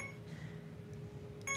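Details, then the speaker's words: Faint electronic tones and beeping from an infusion pump alarm in a hospital room, still going while waiting for a nurse; 34-year-old woman with acute myeloid leukemia; infusion pump alarm. "sorry about the beeping it's still going it's waiting for a nurse to come"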